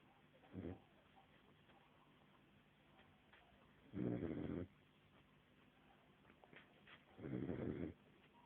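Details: Sleeping 5-month-old pet snoring: low, rumbling breath noises recurring every few seconds, about three in the clip.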